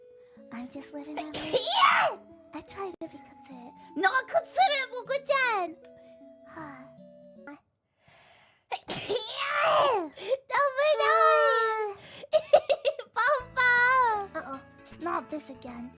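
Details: VTuber's small, high-pitched sneeze between bits of playful speech and laughter, with background music.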